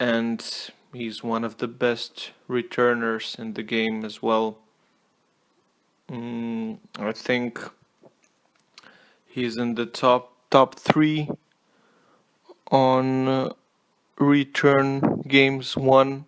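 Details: Stuttering with word repetitions in an adult male non-native English speaker giving a tennis player review; he apologizes for his stutter.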